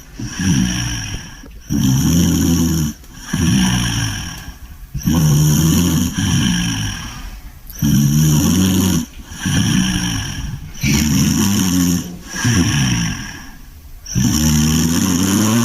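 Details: Sleeping English Bulldog snoring: loud, rattling snores on both in-breath and out-breath, about 10 breath cycles a minute.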